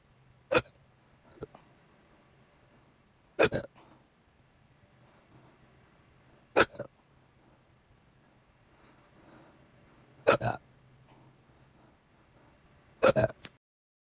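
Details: Person with recurring episodes about once a week, saying it hurts and won't stop; five sharp hiccups about every three seconds, some with a short belch-like tail, in a quiet room; hiccups with burping.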